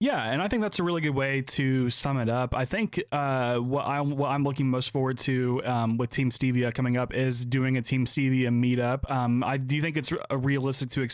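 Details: Adult man speaking; Normal speech.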